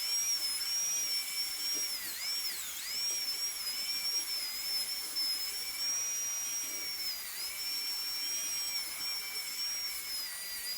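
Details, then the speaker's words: High-speed dental handpiece cutting tooth #18 on a typodont in a simulation lab during gold onlay preparation, tapering the box internally: steady high-pitched drill whine dipping in pitch as the bur bites, with suction hiss. "you have to make sure that you uh you open it up and put a taper to it an internal taper and we'll do the same on the distal"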